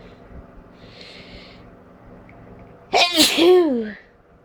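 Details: Person sneezing before bed: quiet room noise then a single loud sneeze with a voiced, falling 'choo' ending.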